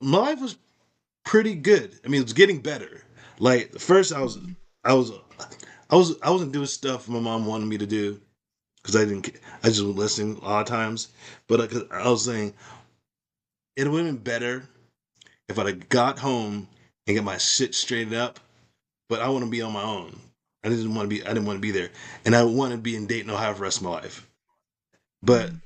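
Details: Aphasia in an adult woman, acquired after a stroke.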